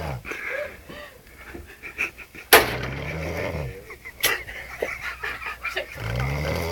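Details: Rhythmic wheezy, whistling breaths with low rumbling during sleep, described as drunk snoring.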